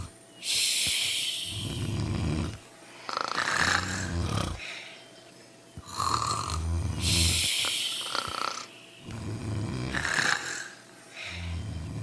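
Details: Three sleepers snoring together: repeated rough snores with hissing, whistling breaths between them, about five cycles in twelve seconds; snoring during sleep.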